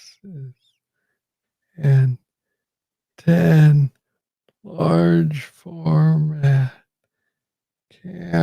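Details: Adult man with Parkinson's disease, diagnosed in 2014 at about age 35 after it was first misread as tennis elbow; real conversational speech; slow speech with long pauses (Parkinson's disease).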